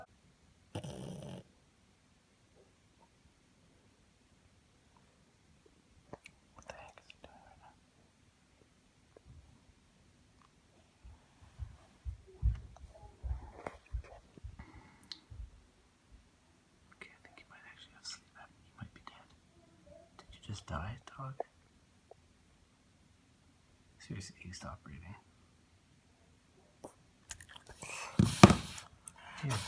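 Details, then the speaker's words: Pug dog snoring loudly (app-measured around 90–96 decibels) while asleep: snorting snores break off into long quiet pauses, then a loud rousing snort; owner believes the dog had a bout of sleep apnea. "God, where do you wake yourself up? Oh my gosh, the dog has sleep apnnea."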